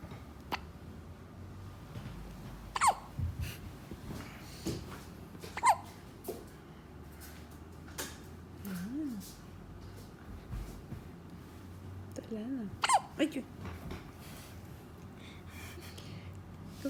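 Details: Soft, sharp hiccup sounds repeating every few seconds over low room noise; hiccups.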